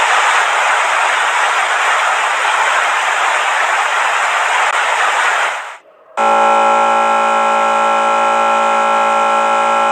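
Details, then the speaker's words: Simulated tinnitus: steady loud hiss for about six seconds, then a sustained buzzing multi-tone hum, like buzzing flies or bees in the ear; loud music cited as dangerous. "हो अगर इस तरह की आवाज़ें जो आपने अभी video में सुनी आपके कान से आए। अजीब लग रहा है ना सुनने में।"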